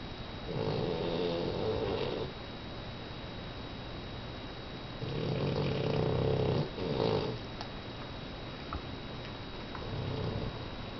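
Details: Low rumbling snores with each breath in, about five over eleven seconds, in a quiet room, from a sleeping dog who sleeps with his eyes open; snoring.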